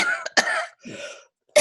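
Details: Several harsh cough bursts with a throat-clearing quality, acted by an adult woman playing a sick mother on a family Zoom call in a short film; simulated cough.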